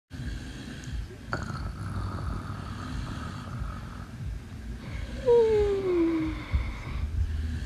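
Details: A sleeping adult snores with low, rumbling noisy breathing and a brief falling, whistle-like tone.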